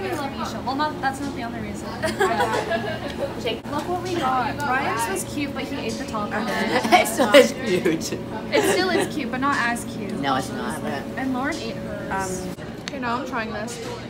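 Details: Adult woman speaking, possibly with a companion; normal voice.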